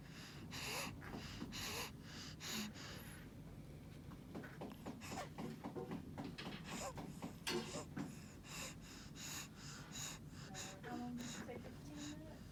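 A child's rapid, noisy breathing with harsh, rasping sounds on the breaths: stridor from a narrowed upper airway.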